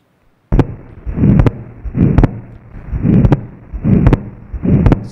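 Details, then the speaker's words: Atrial septal defect heart sounds: a steady heartbeat near 75 beats per minute with a clearly doubled second sound, showing wide fixed splitting of S2. "so this is an atrial septile defect the ASD where you can clearly hear the the wide fixed splitting of the second hot sound"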